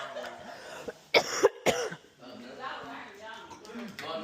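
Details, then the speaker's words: Choking cough after food went down the wrong pipe at a birthday party: two forceful, explosive coughs, amid party chatter. "I don't know. It went the wrong pipe. No, I keep coughing."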